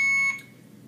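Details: Infusion pump beep during a nursing student demo: single short high-pitched electronic beep as the tubing cassette is loaded into the pump, a routine device prompt.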